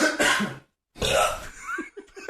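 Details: Adult man's cough ending in a burp: two harsh throat bursts with a short gap, then gulping, retching-like throat sounds at the end of a coughing fit, as if close to vomiting.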